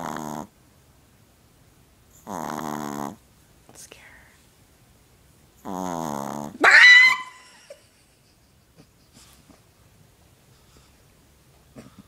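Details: Pomeranian dog asleep: short tonal, whining breaths repeat several times, then a sharp squeaky snort; noisy snoring-like breathing.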